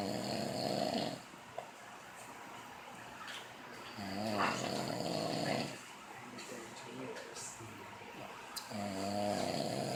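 Long, low rattling snores recur a few seconds apart during sleep, with faint room noise between them.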